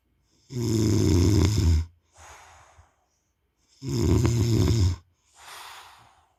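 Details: Snoring: loud rattling inhaled snores with quieter breathy exhales, two full breaths in about six seconds, roughly 19 breaths a minute.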